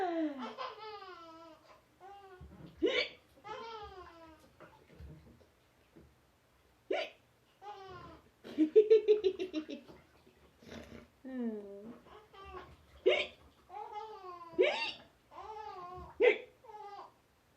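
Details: An adult mother hiccups repeatedly with abrupt hiccup sounds while her baby bursts out laughing after them; ordinary hiccups, recorded 8.13.13.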